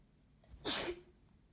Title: Chhinkni sneezing